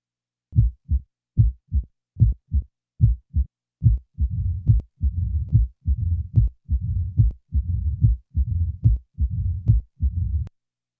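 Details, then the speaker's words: Simulated mitral stenosis: loud first heart sound followed by a low mid-diastolic rumble introduced after the first few cycles, heart rate about 72 a minute. "the following example will present each feature of mitral stenosis a loud first sound is followed by a mid diastolic murmur the murmur will be introduced after the first few cycles"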